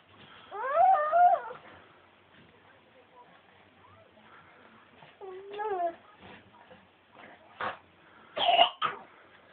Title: Coughing baby end if recording